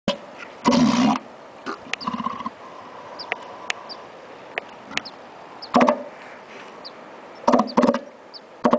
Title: Snoring Sea Lion